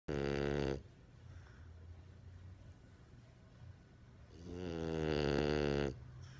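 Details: A French Bulldog puppy asleep, snoring loudly within seconds of lying down: two long, buzzing, tonal snores about four seconds apart with quiet breathing between. He sometimes wakes himself up or snores with his eyes open. Snoring.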